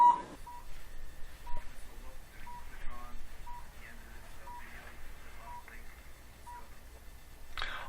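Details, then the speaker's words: Low-level (cold) laser therapy device running a plantar fasciitis program on the foot: short mid-pitched beeps about one a second with faint room noise and distant voices, confirming the laser is on. "Beautiful thing about this technique is you can hear the machine beeping. We know it's on."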